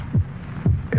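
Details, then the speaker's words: Normal human heartbeat in a vintage television commercial, stated to beat 72 times a minute; deep, regular paired thumping beats. "this is the sound of a human heart"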